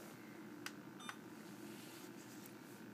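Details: Two short high electronic beeps over steady room hum as a nurse, in a training demonstration, programs a PCA (patient-controlled analgesia) infusion pump while reviewing end-tidal CO2; infusion pump keypress beeps.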